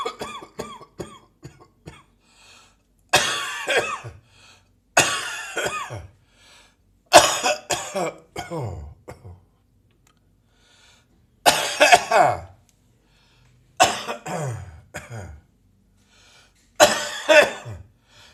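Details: Adult coughing in the morning: repeated bouts of harsh, wet-sounding coughing, about seven clusters of several coughs each, with throat clearing between.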